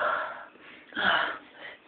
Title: My Sneeze #2